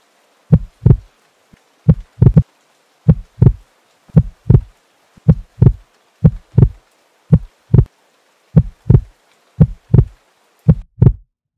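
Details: Heartbeat: steady, regular lub-dub of deep paired thumps at about 56 beats a minute.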